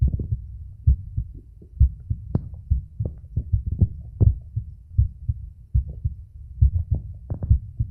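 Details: Adult male's heart recorded at auscultation sites with a phone microphone: dull low thumps, muffled and uneven in loudness, with rubbing noise; normal heart sounds.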